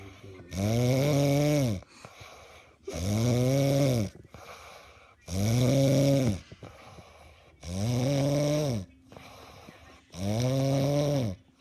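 Steady, loud, droning snores on each breath, about 25 a minute, with quieter exhales between; regular snoring.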